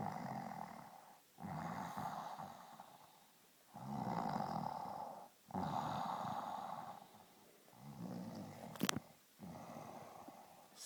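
A sleeping dog snores with rough, rumbling sounds repeating steadily with each breath in a quiet room.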